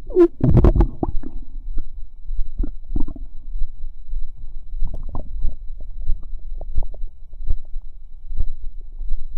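Irregular low gurgles, bubbles and squelches from the abdomen, ordinary bowel sounds (borborygmi).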